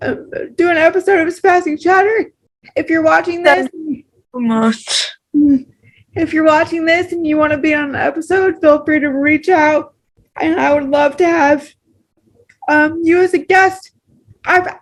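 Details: Dysarthria due to cerebral palsy in a female host, who reports struggling with her voice, taking longer to talk, and appearing to strain when speaking.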